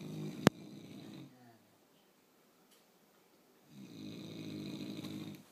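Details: Loud, rough, rattling snores with silent pauses between breaths, from someone in heavy sleep, compared to a jet plane and lasting all night.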